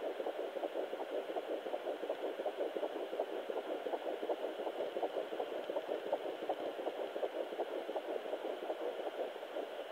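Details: Fetal heartbeat at 12 weeks on a Sonoline B home fetal Doppler: rapid, regular whooshing pulses at about 160 beats a minute.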